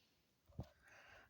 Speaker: you okay baby you okay honey who got the sneezies sorry I'm sorry baby I hate when I get to sneezies